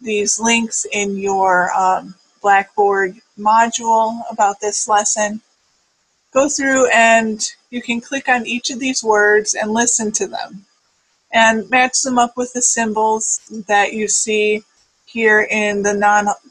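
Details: Adult speaker, lecture; ordinary speech.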